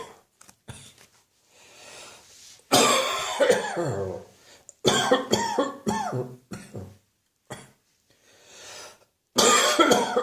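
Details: Mid-morning winter coughing fit in an adult: harsh, repeated cough bursts with quick gasping breaths between them.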